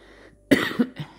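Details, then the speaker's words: A single sharp adult cough trailing into a softer second push of air, from a French speaker during a tarot reading who apologises for coughing; ordinary cough. "Excusez-moi, je tousse, mais j'ai pas envie de couper la vidéo, ma voix."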